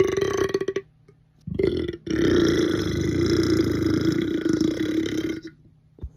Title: comp of my loudest burps recently